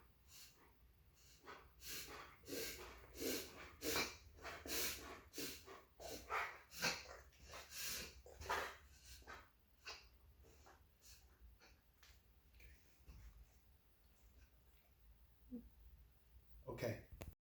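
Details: Dog suddenly began a reverse sneezing episode after dinner, lasting about a minute, with no prior episodes and a couple of regular sneezes mixed in. Rapid, repeated snorting inward breaths in a burst.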